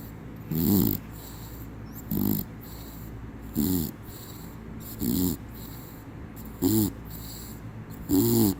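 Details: Sleeping dog snoring: regular rough snorts, six in about eight seconds (roughly 40 a minute), over quiet room noise while another dog refuses to lie down.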